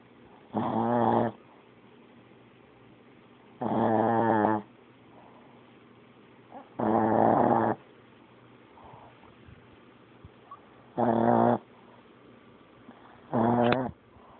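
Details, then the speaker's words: A sleeping dog snoring: loud, buzzing, rattly snores on each breath, about five in fourteen seconds. "Buddha, you done snoring? Are you done snoring? You done?"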